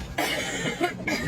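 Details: Driving instructor and female learner driver taking turns coughing with a chest cold in a car in heavy rain: two loose, harsh, chesty coughs over steady car and rain noise.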